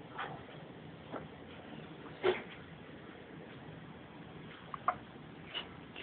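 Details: Hiccups from a young child born with spina bifida.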